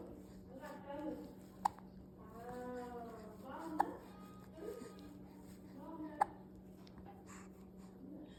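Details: Two-month-old baby girl with hiccups during an eye exercise: three sharp, brief hiccup clicks about two seconds apart, with a soft adult voice and baby sounds between them.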